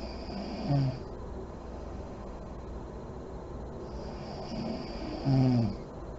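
Two brief snorting snores, about five seconds apart, with soft breathing and faint lip puffs between them.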